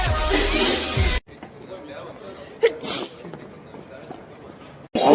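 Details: A brief, soft, breathy sneeze burst from a young man between louder stretches of music and voices.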